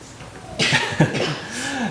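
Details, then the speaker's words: Child acting, not ill, demonstrating the proper way to cough: one or two short, muffled coughs into the arm. "And which way do you point when you cough? Do you point towards other people? You point down. You point away. Show the other cough. Cough into your arm."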